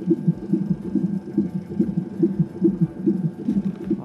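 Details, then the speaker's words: Fetal heartbeat on the labor monitor during labor after the water broke, rapid regular whooshing thumps at about 140 beats a minute: fetal heartbeat on Doppler monitor. "Jessica is back on the monitor. You can hear it going."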